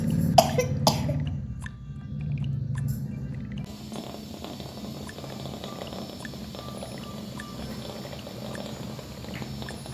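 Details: Cat with cough, breathlessness and nasal flaring; two short, sharp coughing bursts in the first second, then steady background noise; cough.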